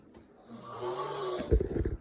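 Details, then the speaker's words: Sleeper snoring at night in a dark bedroom; a rough, rattling snore builds on the in-breath and ends in fluttering snorts, in a quiet room; snoring. "under attack there's a uh snore monster"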